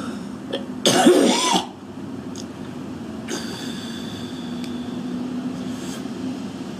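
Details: Young woman smoking outdoors in extreme cold (about minus 20): a short harsh burst of wet coughing and throat clearing, then quieter hawking before spitting phlegm, over steady hum; smoker's cough.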